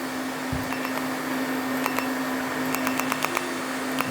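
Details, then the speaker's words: Erbium fractional laser firing during a very light, superficial, single-pass resurfacing of a male patient's face, with the lip to be treated next: a steady machine hum with rapid, irregular ticking pulses, about four a second, making fractional columns. "okay you can see the little fractional columns the other thing that this is really good for is insuring his lip gets treatment which we'll do in a second"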